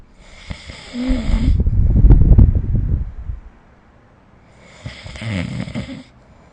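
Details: Snoring sound recorded during sleep with the SnoreLab snoring-recording app: loud, deep vibrating snore with a hissy out-breath, then another snore starting; ordinary snoring.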